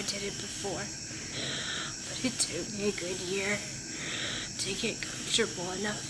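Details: Woman speaking right after getting her first tracheostomy in hospital, with airway problems linked to laryngospasm and vocal cord issues; finding: speech with a tracheostomy.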